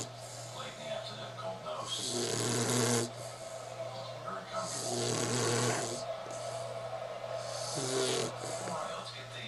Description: puppy snoring because Abby wanted to see it because she can not see Lindi in Africa...